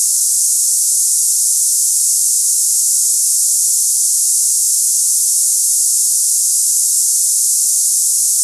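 Steady, unbroken high-pitched hiss like cicadas, a simulation of hissing tinnitus.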